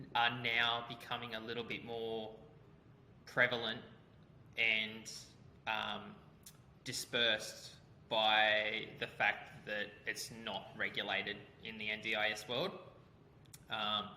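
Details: Adult man speaking; Normal conversational speech.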